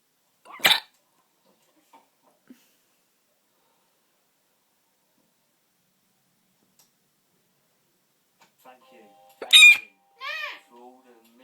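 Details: Loud hiccups from a person that sound like a pig's grunts.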